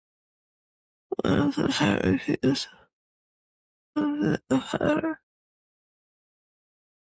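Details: Slurred dysarthria in a woman with cerebellar-type multiple system atrophy (MSA-C).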